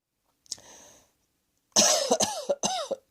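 A soft breathy cough, then a run of about four sharp, harsh coughs in quick succession; repeated coughing.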